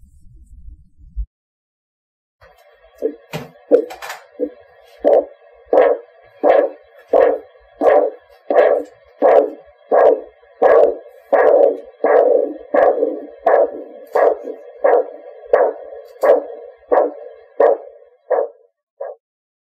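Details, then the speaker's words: Manual blood pressure practice clip: regular thumping pulse sounds, about 87 a minute, begin and then fade as the cuff deflates, with a stated reading of 116 systolic over 70 diastolic: Korotkoff sounds. "watch the pressure gauge and listen to the pulse in the following Clips note the systolic and diastolic pressure for each measurement"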